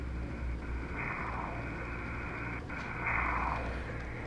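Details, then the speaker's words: Audible Doppler blood-flow signal: a steady whooshing hiss with soft swells from blood in a vessel, with the Doppler shift falling in the audible kilohertz range, demonstrated in a talk on optical coherence tomography. "so that's the um the Doppler shift transformed into kilohertz because actually happens to be in a kilohertz regime which we're audibly listening to so this is the do the blood sshing in this vessel"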